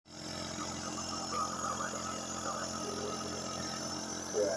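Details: Nebulizer steam therapy for a sick child with cough, cold and shortness of breath: steady mechanical hum and buzz of the nebulizer compressor running, with faint room sounds and adult voices.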